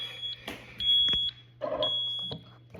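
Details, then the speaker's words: Transport ventilator (MRI-conditional Z-Vent) patient-disconnect alarm, demonstrated: high steady alarm tones repeating with short gaps over machine noise, silenced for 30 seconds and cleared once reconnected. "We have smart help alarm built into this. So, anytime something goes wrong, in this case a patient disconnect,"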